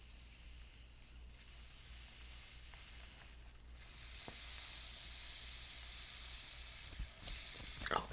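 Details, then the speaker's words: Roleplay physical exam: manual blood pressure cuff on the left arm, patient seated with feet on the ground, slowly deflating with a steady soft hiss; reading 125/62, heart rate 78, SpO2 98% on room air. "i'm going to put the cuff on your arm do you have a preference okay in that case let's go ahead and use the left arm"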